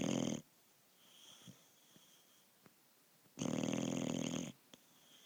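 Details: Sleeping dog snoring very loudly: two loud, rough, rattling snores about three seconds apart with quiet breathing between.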